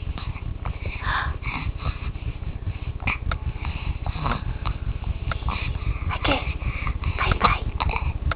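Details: An infant girl with hiccups: brief, sharp catching sounds repeated several times among soft vocal noises over a steady low rumble.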